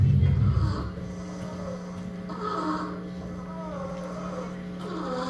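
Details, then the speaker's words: Infant (lactante) with inspiratory stridor, recurring harsh high-pitched noisy breaths from turbulent airflow through an obstructed upper airway, shown in a pediatric emergency teaching context. "Este es un lactante. Y ese es el famoso estridor con el que pueden llegar los niños."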